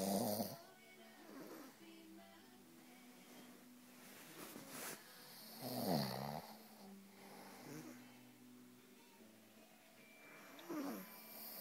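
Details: A father and child snoring together: slow, rough snores about every five to six seconds, roughly 10 a minute, with faint background music. Ordinary snoring.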